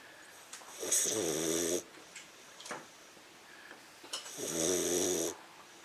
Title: Crush English Mastiff 15 Weeks Snoring